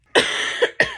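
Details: Two sharp, harsh, explosive coughs in quick succession from an adult who says they are sick and in a cold sweat, while crocheting; cough.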